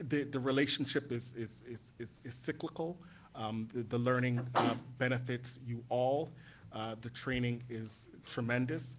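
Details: Adult man speaking; normal voice.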